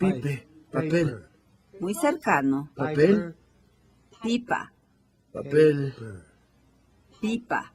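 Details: 58-year-old right-handed woman with logopenic variant primary progressive aphasia, symptoms beginning 4 years before recording, describing a picture; logopenic variant primary progressive aphasia.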